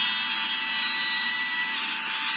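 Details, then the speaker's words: Dental implant osteotomy with a single wedge-shaped pilot drill, used to judge bone resistance before choosing the implant; no bleeding seen. Steady high-pitched whirring and grinding of the drill cutting bone. "So it is like usually I just do a single drill, the pilot drill, and then I decide on the resistance of the bone and then decide which implants to be placed."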